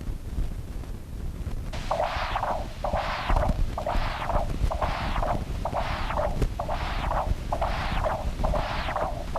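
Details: Mild physiologic tricuspid regurgitation (continuous-wave Doppler).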